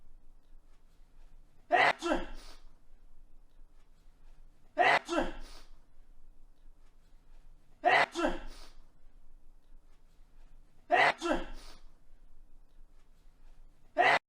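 A sharp sneeze repeats every three seconds, about 20 a minute, in an identical looped pattern; a repeated recorded sneeze.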